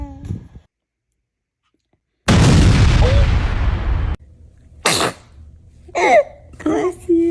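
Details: Newborn baby sneezing: a loud, abrupt burst of air, followed by small cries and snuffly breaths; sneezing.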